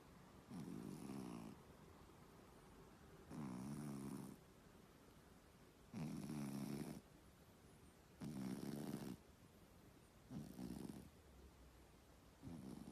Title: KUCING NGOROK LUCU (Funny Cat Snoring)